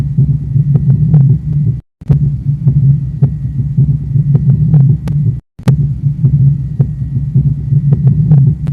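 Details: Low, muffled heart sounds with extra beats in each cycle: S3 and S4 both present in addition to S1 and S2, forming a quadruple gallop.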